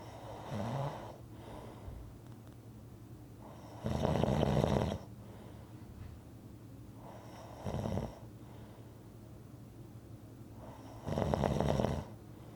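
Loud rough snores on each breath in, about every three to four seconds, with quieter breathing between; ordinary rhythmic snoring.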